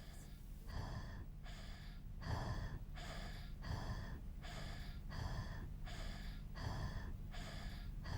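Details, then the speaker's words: Simulated training case of a 15-month-old girl, 6 kg, temperature 37 °C, brought for diarrhoea and assessed for cough or difficult breathing: noisy, harsh breathing at about 40 breaths a minute with a rough high-pitched sound on each breath, i.e. stridor. "assess jenny for strider look and listen now"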